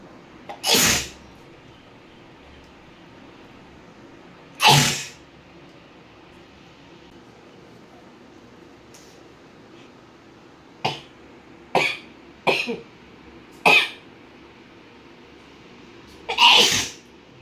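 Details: Indian housewife deliberately inducing sneezes by tickling her nostril with a rolled paper strip: seven sharp sneezes over about 17 seconds, two forceful and several smaller, in a quiet room.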